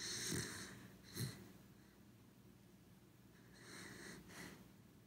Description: 1 hour of our corgi dog snoring ASMR